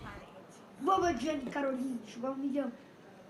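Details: Patient with Tourette syndrome producing involuntary words and phrases, repeating a phrase; not helped by traditional medications but responding well to medical cannabis; complex vocal tic (Tourette syndrome).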